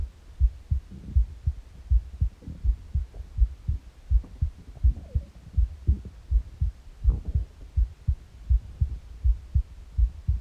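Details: Morning heartbeat with empty-stomach gurgles: steady low double thumps at about 80 beats a minute, faint bowel gurgling between beats; normal heart sounds.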